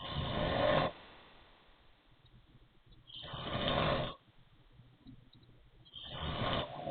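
Three loud, rough snores roughly three seconds apart, each with a raspy, wheezy edge; snoring with a wheezy quality.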